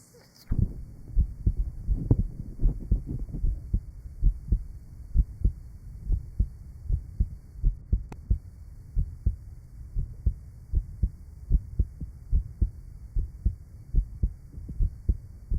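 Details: Steady, regular heart sounds at the pulmonic area/lower left sternal border, recorded 1955 at the Johns Hopkins heart sound laboratory, from a patient with rheumatic heart disease and mitral valve disease.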